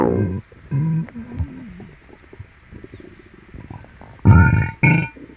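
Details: Upset, painful stomach, possibly from something eaten, while the tummy is stroked clockwise: loud, pitched gurgling growls and rumbles with strong bursts of bowel noise.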